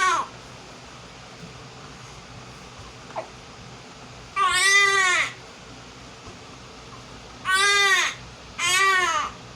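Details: Baby girl after a bath, while she had hiccups: three short, high, wavering cries separated by quiet pauses in a small room; an ordinary infant cry.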